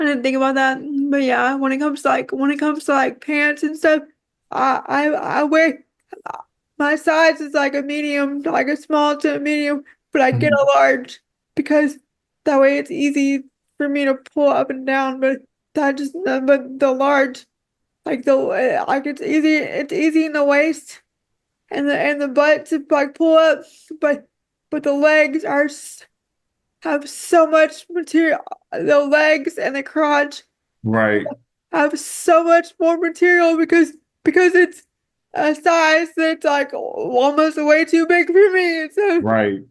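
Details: Woman with quadriplegic cerebral palsy affecting her whole body, whose speech leads viewers to ask if she is crying; frequent word and phrase repetitions; dysarthria (cerebral palsy).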